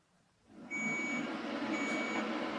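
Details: Quiet start, then a cooling fan spins up with two steady high-pitched electronic tones as a Chattanooga Lightforce XLi 40 W therapy laser powers on to treat a 40-year-old woman's knee osteoarthritis after arthroscopy.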